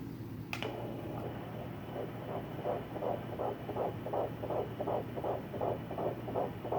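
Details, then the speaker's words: Fetal heartbeat at 12 weeks of pregnancy, found with a home Doppler by the mother: rapid, regular whooshing pulses at about 160 beats a minute over a steady hum. "I can find it I put the Doppler on before I even turn it on and sometimes I'll already be on the baby and as soon as I turn it on I'll hear the heartbeat so that's awesome"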